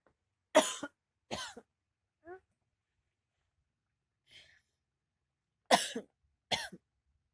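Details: Wife woken by coughing, possibly chronic or respiratory, with dust exposure mentioned: four harsh coughs in two paired bursts, a faint vocal sound and a quiet throat noise between them.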